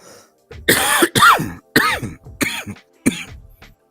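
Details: Several harsh, voiced cough bursts in quick succession with throat clearing; lingering cough during a cold, taking cold pills all week while still working.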